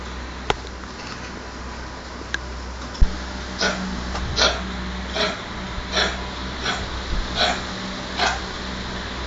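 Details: Dog named Muffy with an allergic cough lasting 3 months: a run of about eight short, hacking coughs with a gagging, retching quality, as if about to vomit.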